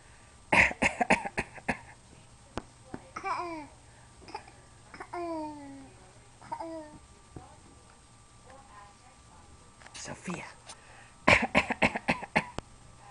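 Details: A young child gives short bursts of imitated, voluntary fake coughing with babbling and vocal sounds between them.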